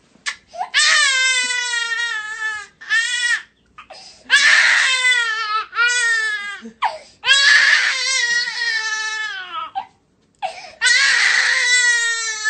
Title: see how this mom will stop her baby crying